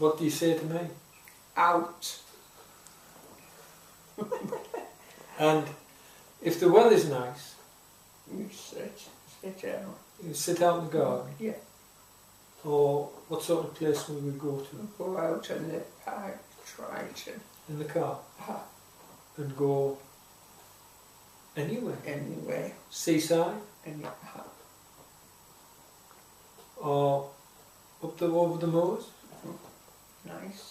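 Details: Woman with aphasia after a stroke about 3 years earlier, with difficulty getting words out and understanding; aphasia.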